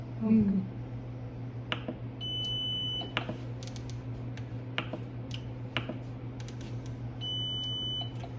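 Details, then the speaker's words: Biphasic defibrillator with printer (TM 2007P) settings demonstration: steady electronic device beeps with a constant low hum and scattered clicks; the beep sound can be switched on or off. "भाई beep का भी sound जो आ रहा है उसको भी on off कर सकते हैं।"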